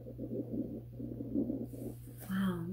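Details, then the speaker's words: Low, bubbling gurgles rising and falling over a steady electrical hum; the speaker's own stomach rumbling (borborygmi). "Do you hear that? That's my stomach."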